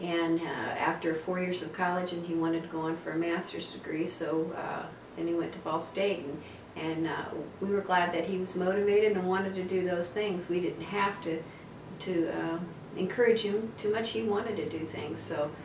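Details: Adult woman speaking; normal speech.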